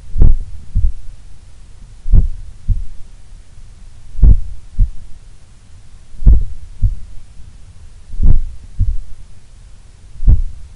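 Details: Slow, regular paired low thumps at about 30 beats a minute, recorded while relaxing at rest in a sun room, reported as the lowest resting heart rate recorded so far; a very slow resting heartbeat.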